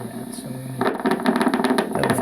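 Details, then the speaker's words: Needle EMG of leg muscle during nerve testing for suspected leg and spinal nerve problems: low hum at rest, then rapid crackling pops building as the patient contracts on command; normal motor unit recruitment, leg nerves found normal. "it's pretty good and then when the brain tells it to move um you hear a lot of things firing off and that's that's okay"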